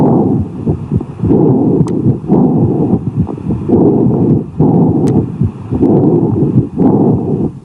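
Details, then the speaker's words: Breath sounds over a lung cavity: hollow, low amphoric breathing, expiration equal in length to inspiration but lower in pitch, a pause between phases, and heart tones audible. "in the lung these sounds are also called amphorus breath sounds expiration is equal in length to inspiration but lower in Pitch there is a pause between inspiration and expiration and the Heart tones are Audible"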